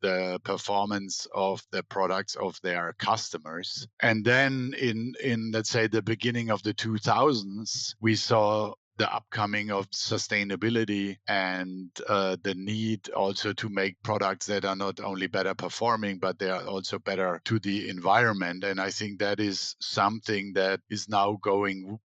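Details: Adult male speaker; Normal speech.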